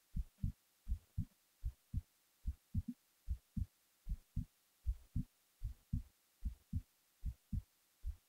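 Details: Resting heartbeat recorded while the person was falling asleep: steady low double thumps at about 75 beats a minute, with a faint hum underneath.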